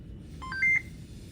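A short run of electronic beeps ending in one longer tone, the high-flow oxygen device confirming a switch between paediatric and adult modes.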